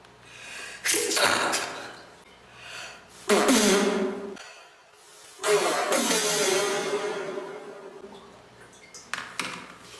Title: Beautiful girl sneeze compilation 🤧